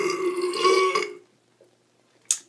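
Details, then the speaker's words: Adult man burping during a comedic acting audition while introducing himself: one long, loud, low voiced belch of about a second, then quiet and a brief breath. "i actually just wanted to talk to you i'm not trying to do the burping just yet but wow uh well i guess might as well showcase some of that as well"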